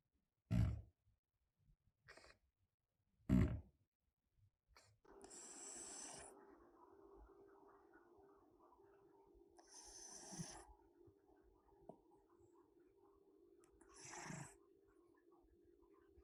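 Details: Cat with a bad nose snoring loudly: a few sharp snorts, then slow noisy breaths with a steady faint whistle and snuffling about every four seconds.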